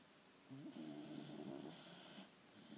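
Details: A single faint, fluttering snore lasting nearly two seconds over background hiss; snoring.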